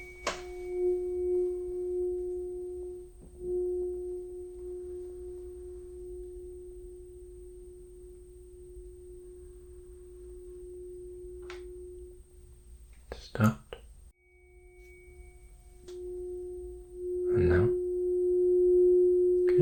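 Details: Steady pure humming tone of a struck tuning fork, with taps, in a repeated left-ear trial of an ASMR roleplay Rinne hearing test; results said to be normal.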